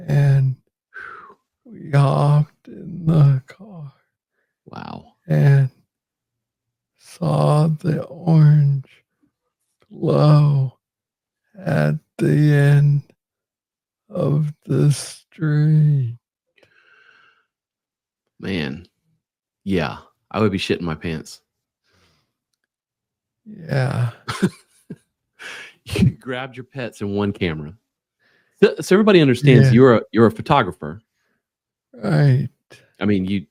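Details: Adult man with Parkinson's disease, diagnosed in 2014 at about age 35 after it was first misread as tennis elbow; real conversational speech; slow speech in Parkinson's disease.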